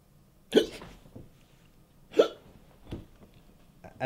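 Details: Several sharp, abrupt gulping hiccups about a second apart, acted by a man in a comedy sketch after breath-holding and scaring fail to stop them; simulated persistent hiccups.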